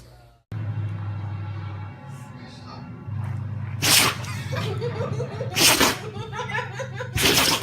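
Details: Three sharp, hissing sneezes a few seconds apart from a dog (Prince Leon, said to have a cold), over quiet background music.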